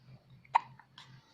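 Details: A single short, sharp hiccup from a 2-month-old baby, with soft background murmur of a caregiver talking; ordinary infant hiccups.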